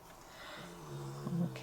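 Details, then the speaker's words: Low, rumbling snore from a sleeping pet, named Lady, building in loudness over a single breath; owner says she is snoring away happily: snoring. "okay plus lady is snaring can you hear her she's snaring away she's so happy right"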